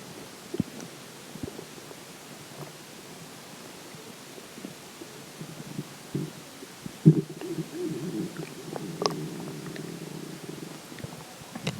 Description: There are some weird sounds in this particular water stomach growls.